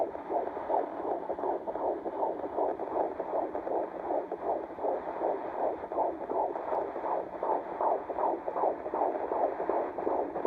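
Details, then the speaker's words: Fetal heartbeat on Doppler in the first trimester: rapid, regular whooshing pulses, about 158–160 beats per minute, reported as doing well. "So I went to the doctor on last Wednesday, and I got to hear baby's heartbeat. His heartbeat is between 159 and 160, and he's doing really, really good."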